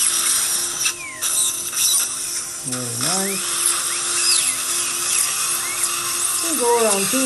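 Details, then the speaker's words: High-pitched whining surgical drill, steady with brief pitch drops, sectioning a lower left third molar into two at the buccal groove during surgical extraction. "Trim the tooth into two layers. In the buffy groove, Okay."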